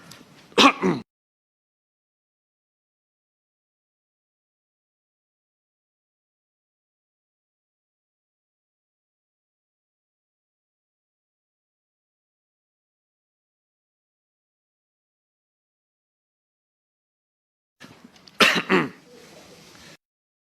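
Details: An adult, the Japanese Prime Minister, coughing while speaking in the House of Councillors in March 2020: two short, sharp coughs far apart with silence between them.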